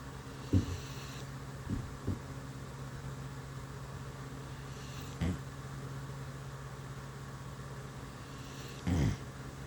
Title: who said dogs don't snore